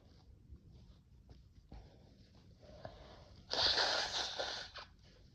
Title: New vial of Chhinkni #sneeze